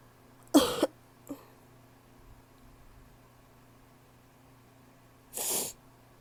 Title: barky cough (f)